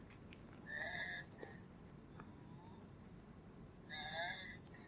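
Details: Goose-honk cough in a dog with upper airway obstruction from tracheal collapse, presented in a veterinary emergency discussion; the patient is in significant respiratory distress. Finding: goose-honk cough (tracheal collapse).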